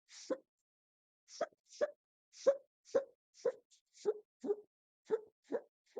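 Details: Induced hiccups recorded near the end of the bout, stomach view: eleven quiet, abrupt catches of breath in six seconds, a rapid run of hiccups.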